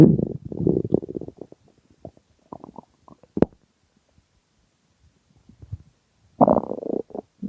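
Low gurgling, bubbling rumbles in bursts with quiet gaps: stomach growling, ordinary hunger bowel sounds.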